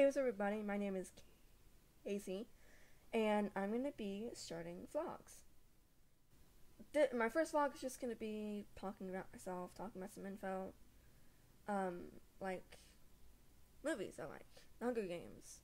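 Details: Stuttering since age 3 in a female speaker, with repetitions and mainly blocks, where she is suddenly stuck while talking.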